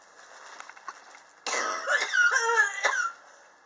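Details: Chronic cough present since summer 2016, which the patient believes is triggered by extreme temperature changes in the apartment, recorded July 2018: a short run of harsh coughs with a throaty, slightly squeaky tail.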